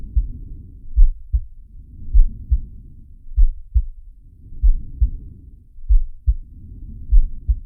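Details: Simulated heartbeat and breathing of Sharky, an animated cartoon shark from Zig & Sharko: paired low heart thumps roughly 48 beats a minute with soft rushing breaths rising and falling about every 2.5 seconds.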